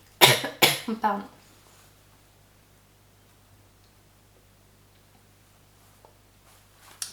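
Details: Three quick dry coughs in a quiet room from a woman recording a knitting podcast, who says she has little voice, then near silence; cough.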